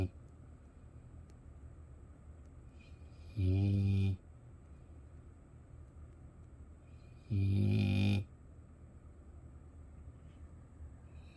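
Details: Sleeping puppy giving two low, buzzing snores about four seconds apart, near 15 breaths a minute, over steady room hum; snoring.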